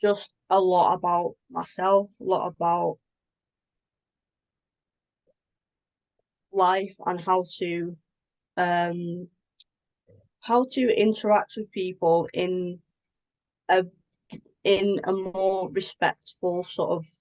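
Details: Adult woman with a stammer that involves blocks and anticipation before speaking: stammering with silent blocks.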